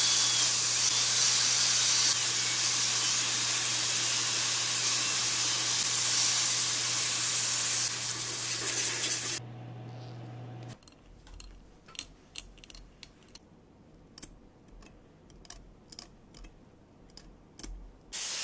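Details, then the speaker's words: Dental high-speed handpiece on a mannequin, not a real patient: steady high-pitched hiss and whine with water spray coolant while decay is removed from cavities between the front teeth, then it stops, followed by scattered sharp clicks. "Le forage commence ! Pulvérisation d'eau comme liquide de refroidissement La décomposition est soigneusement éliminée."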